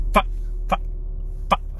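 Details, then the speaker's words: Adult man with Tourette syndrome, tics worse after caffeine: three abrupt, brief voiced yelps or grunts in under two seconds; simple vocal tics. "most people just call me and i i have tourette syndrome"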